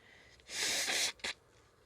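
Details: A single loud, hissing burst of air through the nose, then a brief sharp sniff, within a series of many sneezes with nose blowing toward the end: sneezing.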